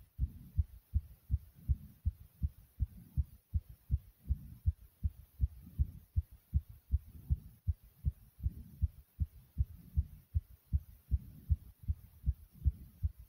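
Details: Own heartbeat after almost 100 jumps in place: rapid, strong, regular low thumps with soft rushing between beats, fast heartbeat after exercise (sinus tachycardia).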